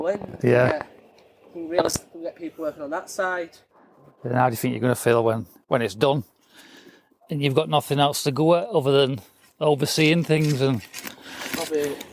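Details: Adult male speakers, conversational exchange; typical speech.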